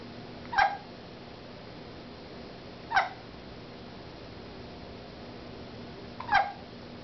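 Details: Cat Rosalina hiccupping: three short, sharp squeaky hics a few seconds apart against quiet room noise.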